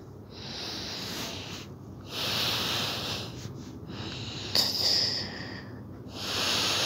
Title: Sleep snoring 🤣 #silence